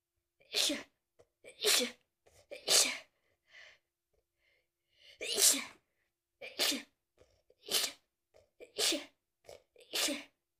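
A run of about eight sharp, hissing sneezes in quick succession, with soft breaths between, in a quiet room; repeated sneezing with a cold.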